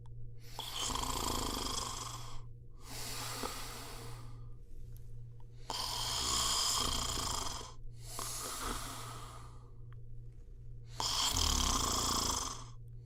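Loud, harsh, rattling snores in long bursts with short pauses, about five in thirteen seconds, over a steady low hum.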